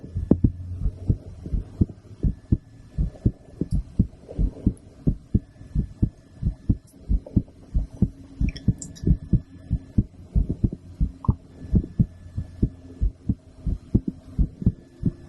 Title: Female Heartbeat After Blood Draw With Stethoscope